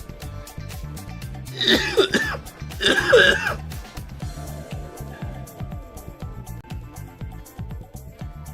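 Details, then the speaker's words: Adult who reports being very ill, finding it difficult to breathe, and says this is about the eighth bout of pneumonia or something like it: two loud, harsh coughs over background game music during a pneumonia-like chest illness. "Yeah, I'm afraid I am actually very ill. Um, and it's really difficult. just to breathe."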